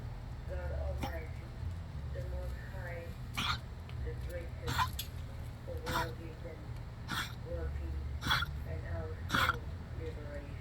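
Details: Dog coughing: a run of six short, sharp hacking coughs, about one each second, over background talk.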